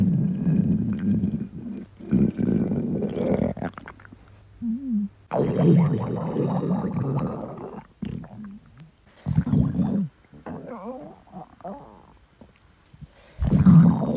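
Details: Self-recorded own stomach: loud, irregular gurgling and rumbling bursts with squeaky rising tones between pauses; stomach growling (borborygmi).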